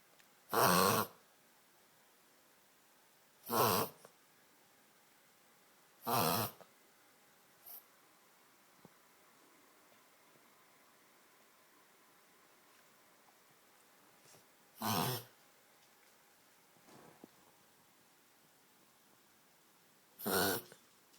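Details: Dog reverse sneezing: five loud, harsh snorting inhalations spaced a few seconds apart.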